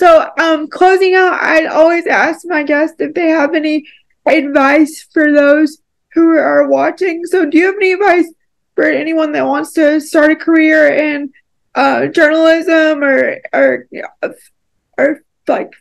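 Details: Dysarthria in a woman with a more severe form of cerebral palsy, who says it is harder for her to talk.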